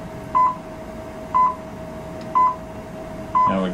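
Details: Class IV therapy laser held in skin contact over the elbow treating lateral epicondylitis: short electronic beeps repeating once a second over a faint steady tone, the laser's emission signal.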